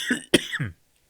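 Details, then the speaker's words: A single harsh, forceful cough with a short throaty tail, preceded by a brief throat sound, from an adult man undergoing leukemia treatment cycles; repeated coughing while talking. "Sorry for all the coughing."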